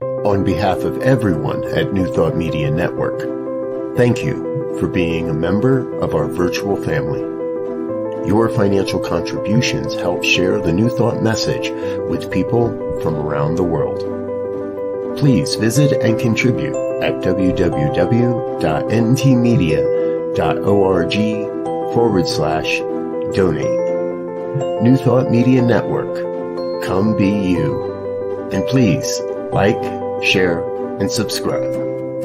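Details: Adult male announcer; normal speech.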